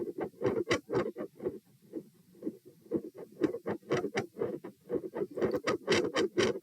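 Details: Heart sounds recorded at position P, rate 120 bpm: tachycardia with loudness of S1 and S2 swinging sharply from beat to beat and brief very quiet stretches.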